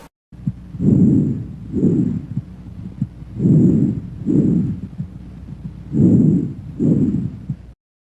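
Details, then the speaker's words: Normal bronchovesicular breath sounds, moderate intensity and medium pitch, auscultated between the scapulae and beside the sternum at the first–second intercostal spaces: three breath cycles with inspiration and expiration of similar length over a steady low hum. "Murmullo broncovesicular, sonido de intensidad moderada y tono medio. Se localiza entre las escápulas y por fuera del esternón, entre el primer y segundo espacio intercostal."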